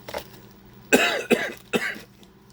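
An adult man gives three quick, loose coughs in a row after a brief bit of speech.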